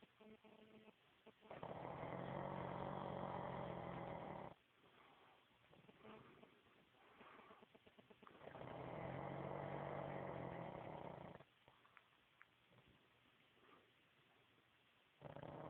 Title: Black pug snoring